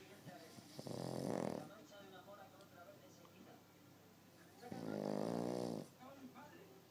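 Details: Ordinary snoring in a man: two loud, rattling snores on the in-breath, about four seconds apart, with quiet breathing between.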